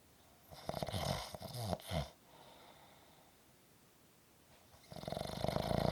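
A loud, rattling, vibrating snore on breathing in, a quiet pause, then the next snore starting; ordinary snoring.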